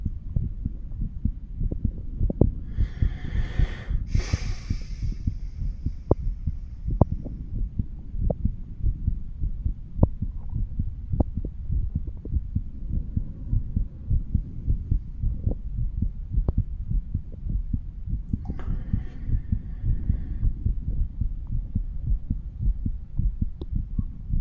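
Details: Stethoscope chest auscultation of a 35-year-old man across mitral, tricuspid, pulmonary and aortic areas: steady low heart thumps with brief rubbing noises as the chest piece moves between spots; normal heart sounds.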